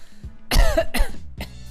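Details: Three short, harsh, dry, unproductive cough bursts from an adult during a live stream, over faint background music; dry cough.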